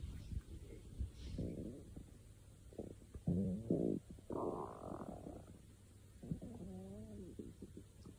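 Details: Irregular stomach growling (borborygmi): gurgles, squeaks and rumbling bursts as gas and fluid move through the gut.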